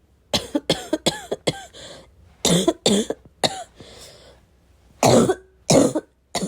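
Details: Heavy barking smoker's cough from someone who vapes, unsure whether it is from the vape or an oncoming illness: about ten harsh barking cough bursts in quick clusters with throat clearing.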